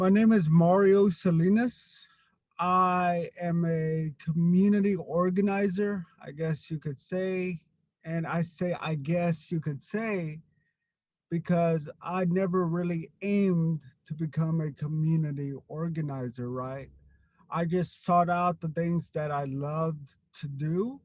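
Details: Stuttering in an adult man who grew up with a severe overt stutter and was later helped by a stuttering program.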